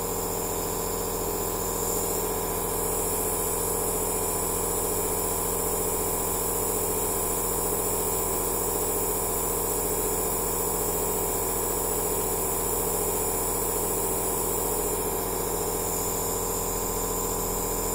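Steady buzzing motor hum with a soft hiss of aerosol flow throughout: a nebulizer machine running continuously.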